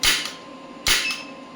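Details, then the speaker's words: Electromagnetic radial shockwave therapy applicator, clinical model, fired over an elbow joint at 1 Hz starting at 5 millijoules with energy being increased; two sharp, snapping shots about a second apart. "The frequency is 1 Hz and 5 millijoule. Let's see, frequency is 1 Hz only, the starting one, and the energy is 5 millijoule. So as you can see, I am increasing the energy now."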